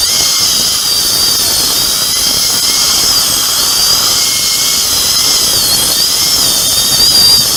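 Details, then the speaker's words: Loud continuous high-pitched dental handpiece whine with water spray: a diamond bur cutting through an upper second molar for immediate implant placement with no sound bone under the sinus floor. "이거는 커팅은 잘 되는데 바브레이션이 커요. 그래서 다이몬드가 좋아요."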